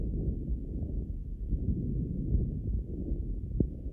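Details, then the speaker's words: Normal vesicular breath sounds heard with a Littmann Core digital stethoscope placed on bare skin of the back rather than through clothing: soft, low rustling breathing without crackles or wheeze. "the best way to make sure that we have a clear sound from the lungs is to go onto the bare skin and you can see exactly what difference that"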